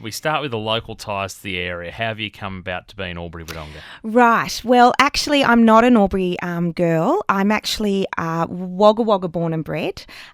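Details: Adult interviewer and adult interviewee in conversation; typical speech.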